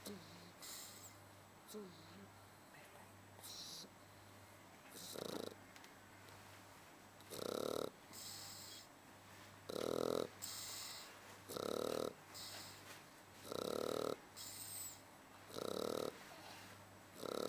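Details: Regular snorting snores about every two seconds, roughly 30 a minute, over a low steady hum; a sleeping Shar Pei dog snoring.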